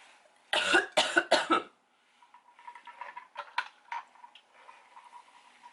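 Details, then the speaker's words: An adult who has been sick for several days coughs. Dry cough. "Anyway, I am sick. Yeah, so I'm gonna be a little slow today."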